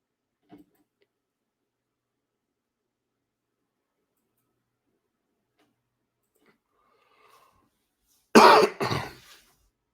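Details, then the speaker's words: An adult man on a late-night livestream, coughing more and more, gives a loud double cough after several quiet seconds, with a faint earlier click: cough. "So I'll do 5 more minutes and I'm out because you can hear me coughing more and more. So I need to go sort that out."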